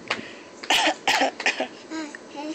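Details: About four short, sharp dry cough bursts, then a brief throat sound and a soft voiced noise; cough.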